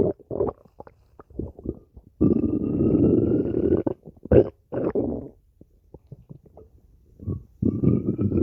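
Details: Long low gurgling growls with short bubbling pops between them; ordinary stomach growling (borborygmi) from gut movement.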